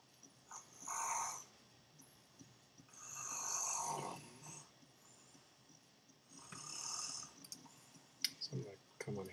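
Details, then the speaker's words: Brother snoring in the background during a live stream; habitual snorer. "and especially oh I think you can hear my snoring brother in the background because it's naturally what he does"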